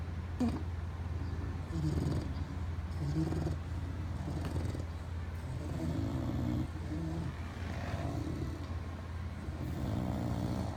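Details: Three bulldogs sleeping together, all snoring: continuous low rumbling, snorting breaths over a steady background hum, loud snoring typical of flat-faced dogs.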